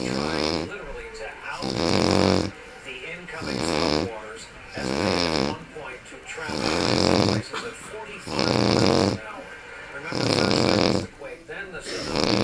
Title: Snoring Uncle:D